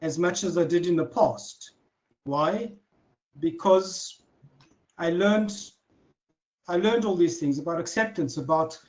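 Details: Adult man who has stuttered since childhood, speaking naturally in conversation; stuttering.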